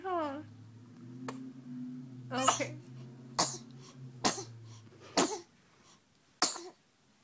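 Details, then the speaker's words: A baby's sneezes: a brief infant fuss, then about five or six short, sharp sneezes with quiet pauses between, over a low room hum. "oh why do you hate sneezing so much he's allergic to you you're allergic to me huh"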